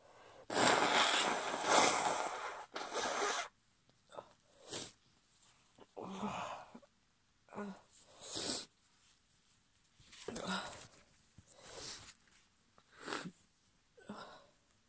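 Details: Female holding back sneezes: about ten breathy, muffled, stifled bursts with quiet gaps between them; a run of suppressed sneezes.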